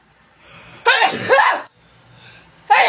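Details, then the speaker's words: Girl doing a COVID-19 nasal self-swab test, swabbing the other nostril for 15 seconds: a quick inward gasp, then a loud explosive sneeze with a second burst beginning; she says she just sneezed twice. "okay um thank you i just sneezed twice hold on"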